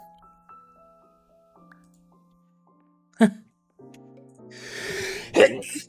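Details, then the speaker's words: Live-streamer's single sharp sneeze over soft background game music, followed by a noisy rush. "I know. It doesn't hear that anymore. Lucky you. My sneezes are amazing."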